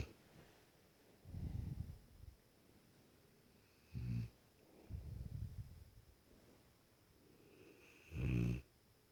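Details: A sleeping Cane Corso, called the world's loudest snoring dog: deep, low, rumbling snores recurring irregularly, some short and sharp, others drawn out, about 14 a minute; loud snoring.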